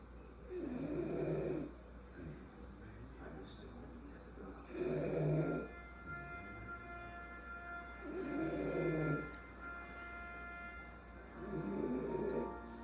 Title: Nope not a man doing all that snoring💀